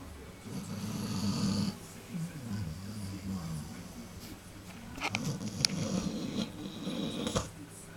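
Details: Soft, rumbling snores with a fluttering quality on each breath, plus faint clicks and rustling, from a sleeping puppy whose snoring was loud enough to hear from another room; snoring.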